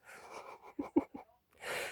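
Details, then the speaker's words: Adult man (husband) sneezes in a small room: quick catching breaths, then a hissing burst of air; sneeze. "Bon, là vous entendez mon mari qui éternue."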